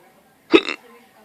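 A single abrupt voiced gulp, a typical hiccup sound.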